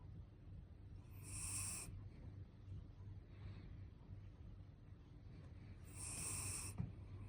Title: His snore is loud and cute.WWWWW